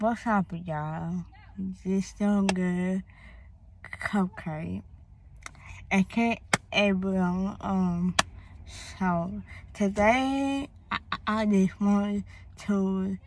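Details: Woman, born premature, with a speech impediment that began around third grade along with hearing loss (deafness), cause not found by doctors, treated with speech therapy at school; speech impediment.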